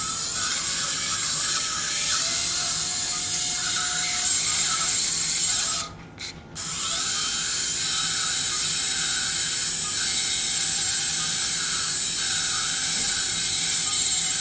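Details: Steady high-pitched whine of a surgical drill, stopping briefly once, drilling residual exostosis in the inferior anterior ear canal wall during transcanal revision tympanoplasty for severe lateralized tympanic membrane after previous surgeries.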